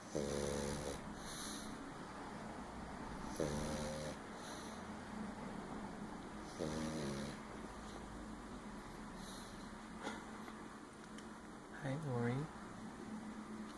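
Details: Pug asleep in his chair snoring: three slow, rough, buzzing breaths in about 13 seconds, spaced several seconds apart over steady room noise.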